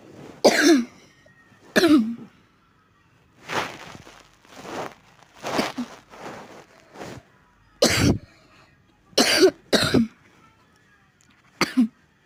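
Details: Adult with repeated cough: about ten bursts of coughing and throat clearing in twelve seconds, some rough and phlegmy.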